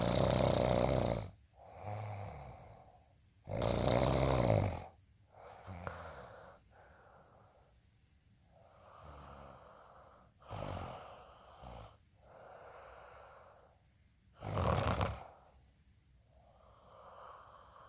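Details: Rough rattling snores alternating with quieter breathing, about six to eight breaths a minute, during sleep; ordinary snoring.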